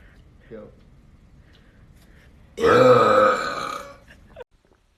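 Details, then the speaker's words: One long, loud, voiced burp lasting over a second, with faint room sounds before it; from a TikTok burp compilation. "I can't sing or dance but I can burp"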